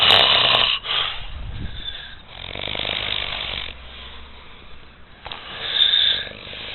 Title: epic snoring